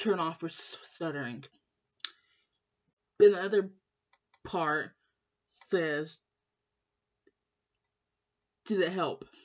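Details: Female with lifelong stuttering since starting school, always in speech therapy class; blocks when stressed; her mother and uncle also stutter; stuttering.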